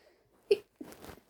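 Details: Female, after 2 a.m., sneezing after pollen blew in through an open window while trying to stay quiet: two held-back sneezes, a short sharp burst then a muffled breathy expulsion; stifled sneezing.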